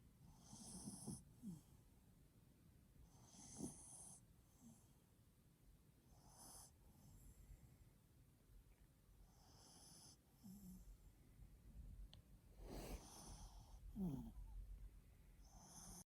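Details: Chihuahua (tagged pomchi) snoring loudly while asleep: soft, regular snorting breaths with a rattling, wheezy edge every few seconds.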